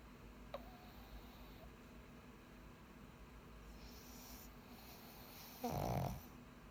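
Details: Sleeping pug said to have apnea: mostly quiet room noise, then one short, loud, rattling snoring breath near the end; snoring.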